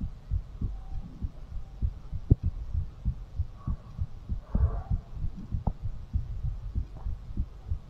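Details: Fast heartbeat after exercise, recorded for ASMR: quick, muffled thumps over rustling and room hum; a normal response to exertion.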